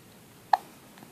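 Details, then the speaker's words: Hiccups in a baby boy: one brief, high, squeak-like catch in a quiet room, a single infant hiccup. "do you have the hiccups do you have the hiccups do you have to hiccups your boy"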